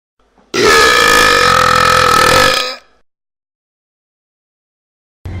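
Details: Loud, drawn-out belch lasting about two seconds in a quiet room, recorded in Rome; an ordinary burp.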